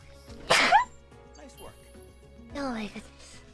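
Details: One sharp sneeze with a voiced squeak, then brief voiced sounds, from a VTuber during a live game stream after she said she felt a sneeze coming; background music.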